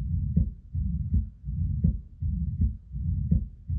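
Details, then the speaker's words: Simulated infant heart: lub-dub with a soft blowing "sh" murmur between sounds, representing a hole in the heart (septal defect) with abnormal flow between two heart spaces. "like a blowing sound we have the love dub sound but there's a sh in between that is something we would call a murmur and so this is actually the sound of what we would call as a hole in a heart"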